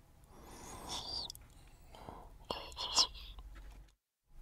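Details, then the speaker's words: Acted CPR-training demonstration of agonal breathing, a sign of cardiac arrest: irregular, noisy gasping and swallowing-like breaths that are not normal breathing; agonal breathing. "Así que recuerda, las respiraciones agónicas no son respiración normal. Se caracterizan por movimientos de tragar o jadear y se ven como esto"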